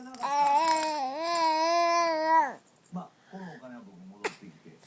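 A young child gives a long, steady, high-pitched wail, then softer fussing vocal sounds and one sharp catch.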